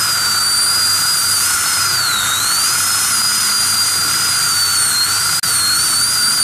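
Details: Continuous high-pitched whine of a high-speed dental handpiece with slight pitch wavering as it cuts, during crown abutment preparation using a gingival protector.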